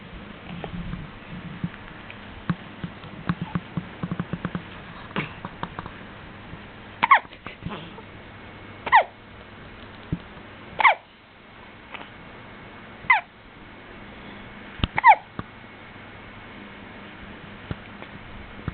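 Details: Person with a bout of hiccups; short, sharp hiccup sounds about every two seconds, five or six in a row, over faint room noise; hiccups.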